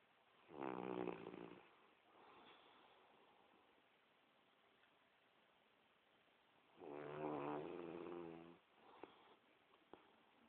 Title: Trooper snoring